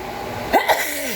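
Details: A single short, explosive wet sneeze burst over steady background noise; sneeze.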